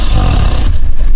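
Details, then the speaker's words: Sleeping adult recorded overnight in a reputedly haunted castle, replayed muffled on radio: loud, deep, rumbling snore. "But listen to be behind you snoring now. Can you hear that? Oh my god. This is while you're asleep. Listen, that's you snoring."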